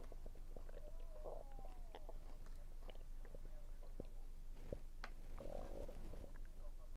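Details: Stomach rumbling while eating, which the person links to low atmospheric pressure: gurgling, rumbling abdominal sounds with faint chewing noises over a steady low hum; bowel sounds (borborygmi) during a meal.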